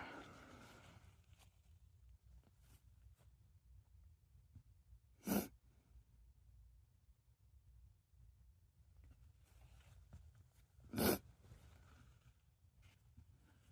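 Two sharp, explosive sneezes several seconds apart in a quiet room.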